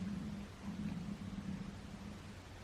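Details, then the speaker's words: Adult's stomach growling (borborygmi): a low, continuous gurgling rumble with bubbly, uneven pulses. "oh my goodness sorry if you can hear my stomach growling"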